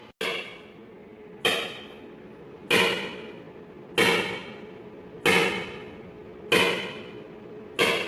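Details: ESWL lithotripsy of a patient's left kidney stone, stone focused with C-arm, fluid-filled membrane transmitting vibration: loud sharp regular slapping cracks about 47 a minute, each fading quickly; lithotripter shock wave discharges.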